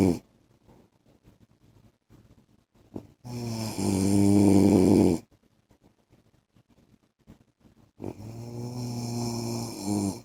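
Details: Adult man (husband) snoring during sleep, prolonged recording.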